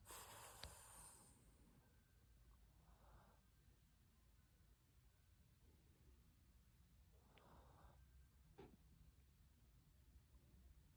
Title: Sleepy French Bulldog Snores 💤 😴